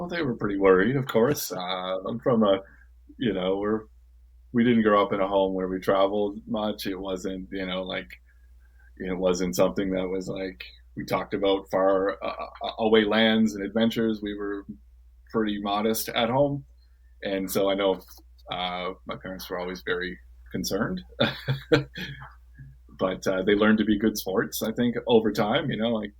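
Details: Adult who has stuttered since early childhood: stuttering.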